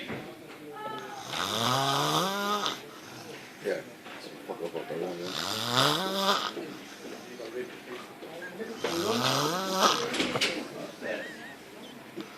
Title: The best snore...........ever